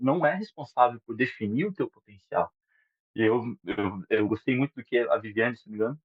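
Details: 37-year-old adult male who has stuttered since childhood, speaking Portuguese; stuttering.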